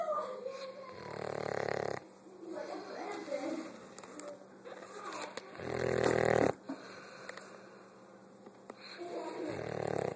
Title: Let snoring dog sleep....